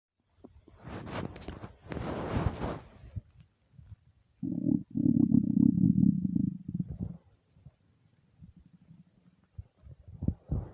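Loud gurgling and growling rumbles with bubbly bursts from an empty stomach; normal hunger bowel sounds.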